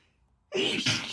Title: Chhinkni Sneeze Fit